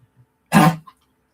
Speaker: Can you hear the dog coughing?